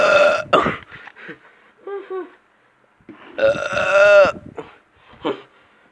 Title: me burping (funny)